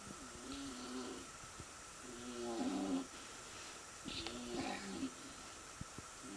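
Repeated throaty, vibrating snores with breathing pauses between them, about three in the clip; plain snoring.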